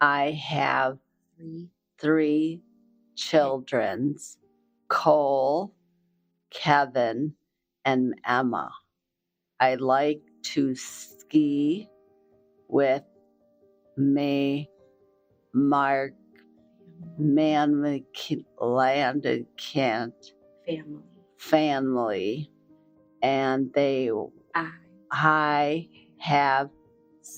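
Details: Aphasia in a woman about 4 years after a stroke, speech regained through hard work, reading prepared replies with her daughter's help.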